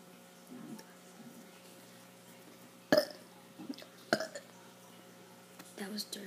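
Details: Deliberately produced burps, made on request to show how the person burps: two short burps with soft voices in between, over a steady background hum.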